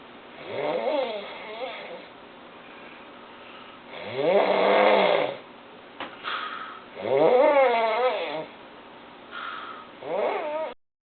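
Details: Loud, rattling snores rising and falling in pitch with each breath, roughly 20 a minute, in a quiet room; very heavy snoring.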